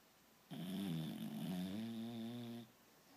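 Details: Sleeper snoring: a single sustained, drawn-out rattling breath of about two seconds; snoring.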